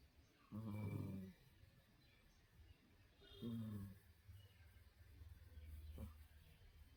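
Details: Old cat sleeping, snoring with low, rattling snores on each breath about every three seconds, quieter breathing between.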